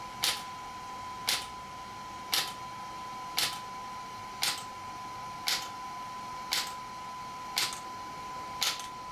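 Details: ESWT shock wave therapy device used for muscle, bone and joint pain relief, apparently applied to a patient's leg or joint area: sharp regular snapping pulses about once a second (~57/min) over a faint steady tone.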